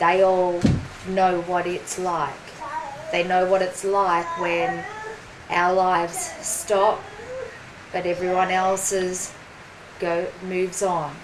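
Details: Woman, 43, with aphasia after a ruptured brain aneurysm and stroke 4.5 years earlier; slower speech and word-finding difficulty; aphasia.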